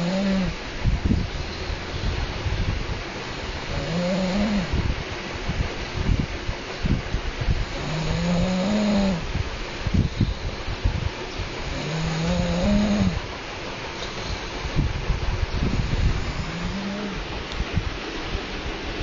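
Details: Regular low, rough, rattling breaths, about five in 19 seconds (roughly 16 a minute), over room noise: snoring.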